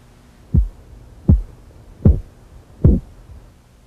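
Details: Four regular, dull tapping Korotkoff sounds at about 79 per minute over the artery during cuff deflation in a blood pressure assessment demonstrating an auscultatory gap (temporary absence of sound).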